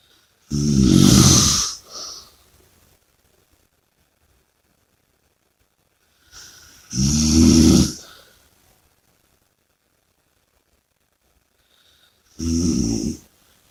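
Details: Loud, rattling inhaled snores with long quiet gaps, about 9 breaths a minute; heavy snoring during sleep.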